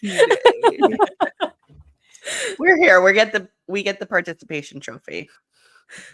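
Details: Adult woman speaking; typical speech.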